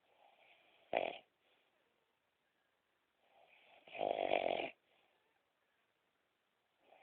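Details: Adult woman (partner) snoring during sleep: noisy, rattling breaths with quieter breath sounds between two loud snores.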